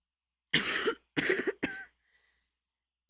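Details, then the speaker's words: Adult's three short, dry coughs in quick succession in a quiet room; the speaker says it is their real cough, attributed to their lung capacity. "oh I know it scares a lot of people don't worry about it that's just my actual cough I have um uh because of my lung capacity"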